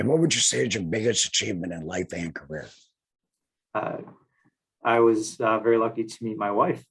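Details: Male speaker who had laryngectomy surgery in 2020 and speaks without a larynx: alaryngeal speech after total laryngectomy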